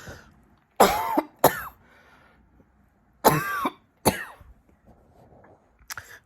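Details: Repeated adult coughing in a quiet room, which the person attributes to frequencies targeting their lungs: two pairs of loud, harsh coughs, then a brief softer cough.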